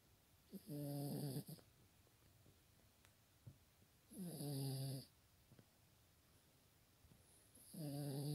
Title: My snoring dog